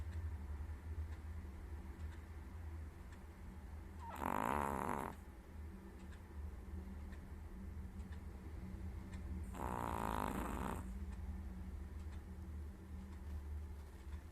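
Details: Chihuahua dozing: two loud, rumbling, earth-rumble-like snores about five to six seconds apart; snoring.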